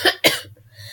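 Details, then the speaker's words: Two quick harsh coughs from a sick teenager with a sore throat, a cough she says sounds like a moose call, with a low hum behind. "So whenever I get sick, as you can hear already as I'm coughing, when I get sick and I get a sore throat, for some reason, when I cough, it sounds like a moose call."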